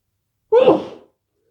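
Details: Person after a workout in the garden: a single loud, abrupt sneeze lasting about half a second; sneezing.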